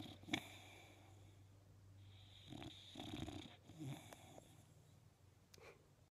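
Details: Boxer dog sleeping and snoring loudly: short, rough, rattling breath noises over a quiet room hum; snoring.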